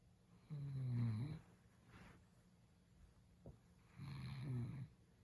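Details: Habitual snoring in a sleeper: two low, rattling snores about three and a half seconds apart, with quiet breathing between; ordinary snoring.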